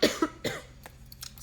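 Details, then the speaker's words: Three short, dry coughs in quick succession from a speaker who says they are still coughing a little and their voice is still hoarse; a lingering cough. "je tousse encore un peu. Ma voix est encore un peu enraillée."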